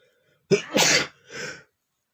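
A single uncovered sneeze: a sharp indrawn breath followed by an explosive burst and a short trailing exhale.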